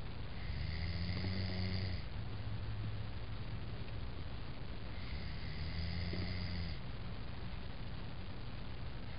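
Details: Man snoring: two long, low rumbling breaths over a steady background hum; snoring.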